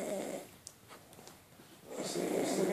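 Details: Snoring during sleep: two rough, low snoring breaths separated by a quiet pause; ordinary snoring.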